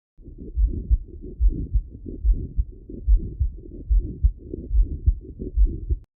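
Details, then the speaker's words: Pericardial friction rub in pericarditis, from a real patient recording: regular heartbeat about 72/min with scratchy, grating sounds through each cycle, from friction between inflamed visceral and parietal pericardium. "It's a scratching and or grating sound usually heard best at the left lower sternal border with the patient leaning forward. It occurs due to abnormal friction between the inflamed visceral and parietal paricardium."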